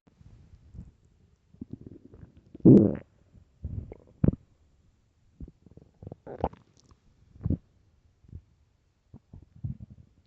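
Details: Early-morning stomach growls recorded for headphones: irregular low gurgles and growls from the belly, ordinary stomach growling on an empty stomach.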